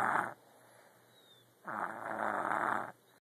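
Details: Woman snoring: two loud, harsh snoring breaths separated by a quiet pause; ordinary snoring.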